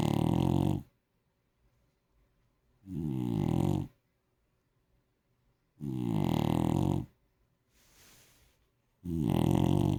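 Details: Pet dog snoring in sleep: loud, rattling snores in a steady rhythm, about four in ten seconds, with silent pauses between; ordinary dog snoring.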